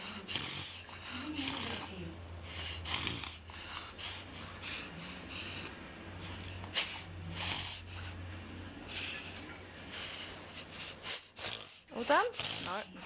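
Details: Five-month-old English bulldog, a brachycephalic breed, with rapid, repeated harsh snorting forced inhalations through the nose: a reverse sneezing (inspiratory paroxysmal respiration) episode.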